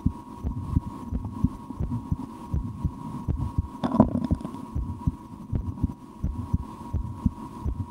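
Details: Own real heartbeat through a stethoscope while holding breath at times and playing a game to make the heartbeat faster: normal heart sounds.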